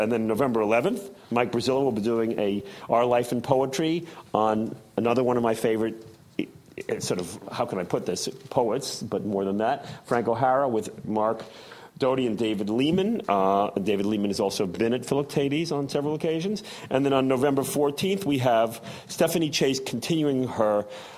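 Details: Adult speaker; ordinary speech.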